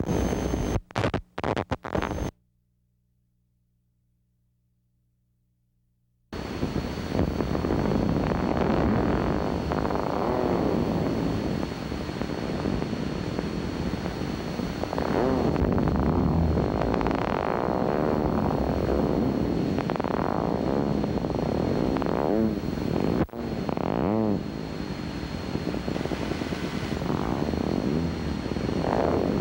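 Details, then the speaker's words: Needle EMG myotonic discharges. This finding indicates myotonic syndrome until proven otherwise; it is also seen in acid maltase deficiency. "If myotonic potentials are recognized by the needle EMG test, the patient is considered to have myotonic syndrome until proven otherwise."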